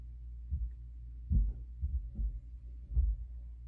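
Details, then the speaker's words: Stethoscope cardiac assessment by a student nurse over the aortic, pulmonic, tricuspid and mitral areas: soft, low normal S1 and S2, regular rhythm, over a steady hum; S3 and S4 not present, no murmurs. "all right so S1 and S2 were heard and Rhythm was regular"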